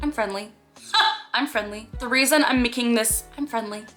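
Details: Vocal tics in an adult woman with Tourette syndrome, with a repeated tic phrase inserted mid-sentence.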